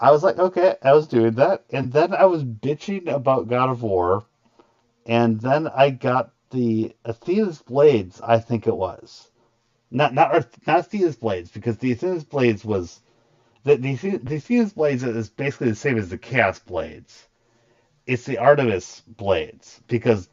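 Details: Stuttering in an adult male streamer with a very large stutter, partly controlled after extensive voice therapy, still present.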